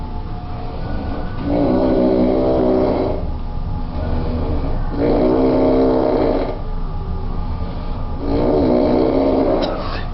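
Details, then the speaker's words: Person asleep at 1 a.m., 17 hours into a trip home and after 12 hours of drinking, jokingly called a bear: three loud, rhythmic, rumbling snores about 3 seconds apart, each with a throaty rattle; snoring. "not a mean bear it's just really tired but never know his bite might be most of his bulk or his snore"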